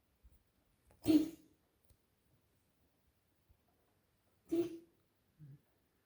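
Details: Dog coughing at 00:20 on 30.10.25: two short, harsh bursts a few seconds apart in a quiet room, followed by a soft grunt.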